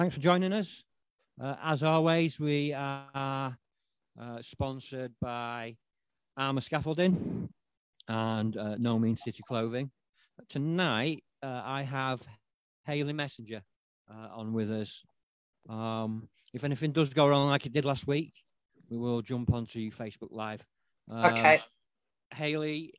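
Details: Adult man speaking; ordinary speech.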